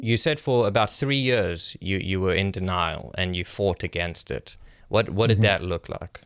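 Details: Adult male speaker; normal speech.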